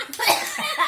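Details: Coughing while eating a large lobster during a mukbang.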